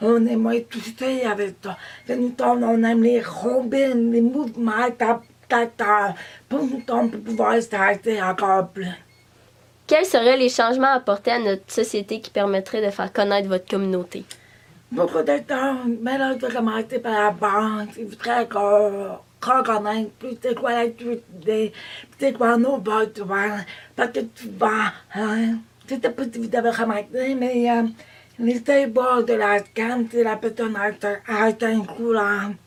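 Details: Deafness diagnosed at age 3, hearing aids from age 4, school for the deaf, implant received at age 28; deaf speech.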